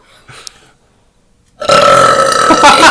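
After a faint sound and a pause, a loud, rough, sustained belch starts and continues to the end. Burping.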